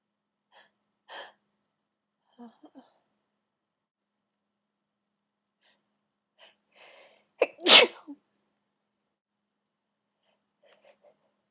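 One loud, sharp sneeze with a quick indrawn breath before it, plus a few faint sniffs and small sounds in a quiet room.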